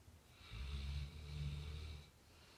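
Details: Labrador dog asleep: one low, rumbling, fluttering breath lasting about one and a half seconds; snoring.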